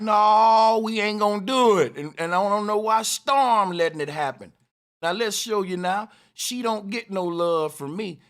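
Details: Adult speaker; normal speech.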